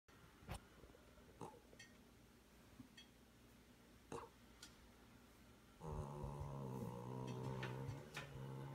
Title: Winnie cat snoring, 7/12/16